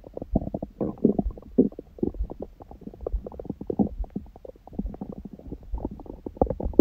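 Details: Belly sounds after a first meal at 16:00 (water-only fast since 19:00 the previous day) and after ab exercises, on a raw-food diet: frequent gurgling and bubbling rumbles in quick irregular bursts; active, normal bowel sounds.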